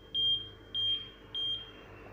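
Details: Three short, high electronic beeps about half a second apart, the start-up tones of a Schiller ECG machine after pressing the green power button, over faint room hum.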